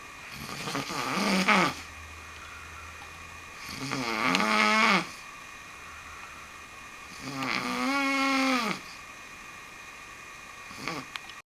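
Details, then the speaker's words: Brother snoring extremely loudly, recorded at only half volume: loud, harsh, rattling snores on each breath in, about 17 per minute, with quiet pauses between. "This just ain't right, man. I don't know anybody that snores this loud."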